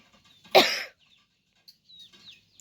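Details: Persistent cough from a cold caught after a trip: a single sharp, loud cough burst, then quiet room sounds.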